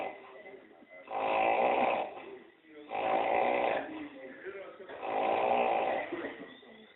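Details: Three loud, rattling snores on breathing in, about every two seconds, with quiet breaths out between, performed by an actor in a staged 2011 short film: snoring.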